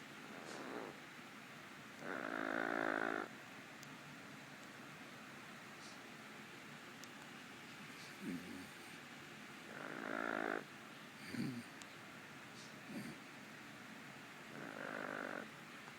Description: My yellow nape amazon sleeps in the same room with me. Therefore, I should not have been surprised when i started hearing her snoring :)